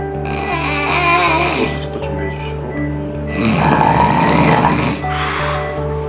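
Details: Harsh, fluttering snoring breaths over music and equipment hum, recorded during drug-induced sleep endoscopy (DISE) to assess snoring and possible sleep apnea; snoring.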